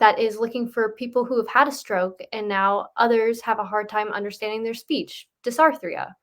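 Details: Adult woman speaking; normal speech.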